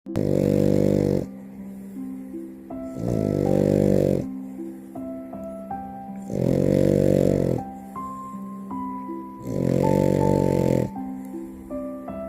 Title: FINN THE FRENCHIE SNORING GETTING MOMMA CUDDLES #frenchbulldog #frenchie #sleepypuppy #snoring #dog